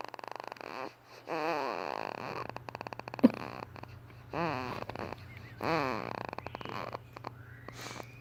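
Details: Snoring and cooing from a sleeping baby: soft, rattly snoring breaths mixed with gentle cooing sounds, some likening it to farting, over a steady background hum.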